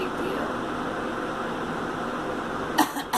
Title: Girl coughing